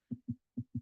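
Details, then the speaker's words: Normal heart sounds of a dog or cat, played quietly in a veterinary cardiology teaching session: two paired low lub-dub thumps twice, with silent gaps between. "the typical sounds that we hear we term ldub ldub and you would have heard that da da da there"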